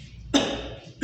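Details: Dry cough.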